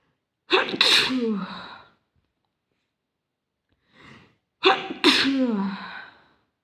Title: More sneezing today